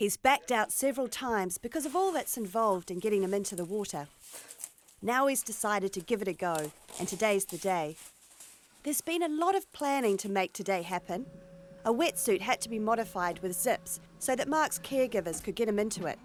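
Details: Adult narrator; ordinary speech.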